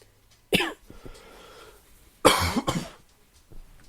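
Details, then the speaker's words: An adult podcaster who is sick and sniffling gives a single cough, then after a pause a double cough, in a quiet room. "I don't want to cough in your ears too much but I wanted to make sure I got an episode in"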